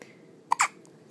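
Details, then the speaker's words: Two-day-old newborn boy, awake in hospital: one hiccup, an abrupt catch of breath heard as a sharp click then a brief squeaky burst, in a quiet room. "what are you doing those make loud noises don't they you did that all the time in mama's belly yeah oh oh"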